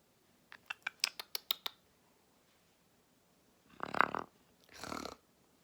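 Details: Blue and gold macaw talking: a run of short clicks, then two soft, rough snore-like breaths; snoring imitated while awake, after saying hello and give me a kiss.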